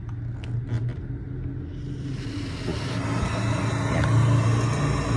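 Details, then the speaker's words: SUNNYMED SY-E024 CPAP machine running with the circuit disconnected: loud steady rushing and low rumbling airflow escaping, unlike the very quiet hum when connected to the circuit. "Kalau misalnya kita tercabut di sini itu suaranya akan kencang sekali."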